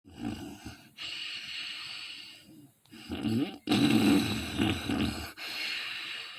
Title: When I snore my mom like ZzZzZ 😘